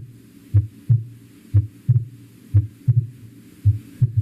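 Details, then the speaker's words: Heart sound demonstration for physical examination teaching: regular heartbeat at about 60 a minute with the second heart sound of each beat split into two close taps. "Si ustedes ven, son cuatro. Ahí tenemos un desblaamiento del segundo ruido."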